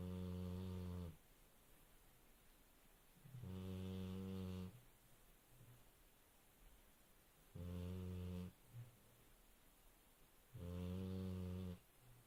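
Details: Dog snoring: four long, deep, buzzing snores about every three seconds, each lasting a second or more, with quiet between them.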